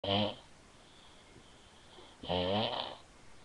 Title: shes pretty pretty good at snoring